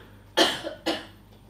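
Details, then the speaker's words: Adult woman, the speaker's wife, gives two short, sharp coughs in the background of a quiet room during a recording. "bless you don't worry she's not teasing me she's just having a little cough"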